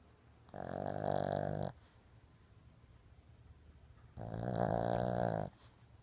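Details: Sleeping Shih Tzu dog: two long, loud, buzzing snores on the in-breath a few seconds apart in a quiet room; snoring.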